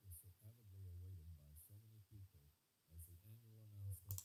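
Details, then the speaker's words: Simulated severe-to-profound right-sided hearing loss (with mild/moderate loss on the left): a male voice reading, played to the right ear, is so quiet and muffled that no words can be made out, only a faint hum of speech. "So very, very quiet. I'm struggling to work out any words that are being said. There is simulation going on, but for the most of you watching this video, you would assume that there's no sound at all."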